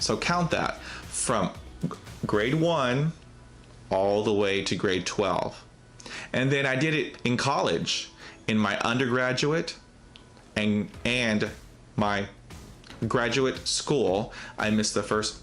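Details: Real stuttering in an adult male host who has stuttered since childhood, when it led him to miss the first days of school.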